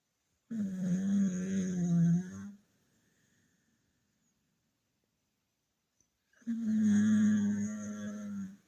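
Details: Dog snoring super loud while lying asleep.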